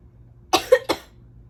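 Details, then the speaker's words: Sneezing fit from allergies, with stomach upset also mentioned: three quick explosive sneezes with a short breath catch between them, preceded by "I'm gonna sneeze". "Oh my God. I'm gonna sneeze. I'm gonna sneeze."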